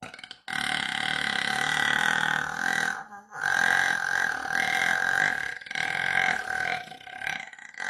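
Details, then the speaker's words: Woman whose stomach hurt a lot belches twice, long, loud and voiced, about 2.5 and nearly 4 seconds; she calls it the longest burp she has ever done. "Esse foi o arroto mais longo que eu dei."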